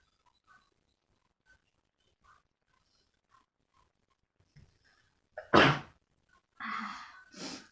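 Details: Sneezing challenge after inhaling red chilli powder: faint sniffs, then one sharp, explosive sneeze followed by two shorter sneezy bursts.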